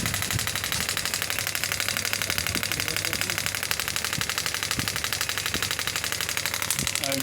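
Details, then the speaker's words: Biotronix pneumatic radial shockwave therapy device, a 10-bar machine, firing at 3 bar energy with frequency set to 12: rapid, regular hard tapping pulses, about four a second. "When I will press the same, it will start giving shockwave. You can see it's 3 bar energy."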